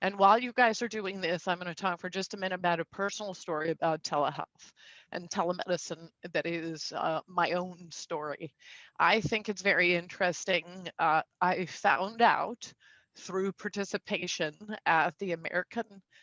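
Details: Male speaker with spasmodic dysphonia, a neurological vocal cord disorder diagnosed a couple of years after 2001 through a telemedicine consult; he says symptoms act up and are audible; also has Duane syndrome (neurological eye disorder); spasmodic dysphonia.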